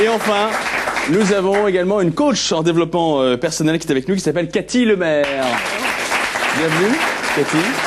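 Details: Adult male speaker, French; normal speech.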